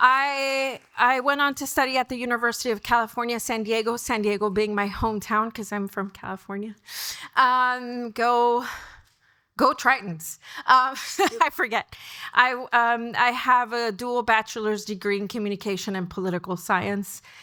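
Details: Adult woman speaking; typical speech.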